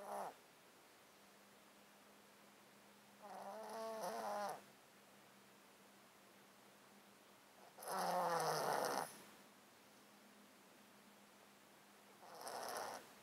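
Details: Sleeping cat in a box, recorded close to the mic; he has a chronic underlying disease lasting 13 years that makes him snotty and sneeze constantly. Slow, rattly, wet, snuffly snoring breaths at about 14 a minute, congested nasal stertor.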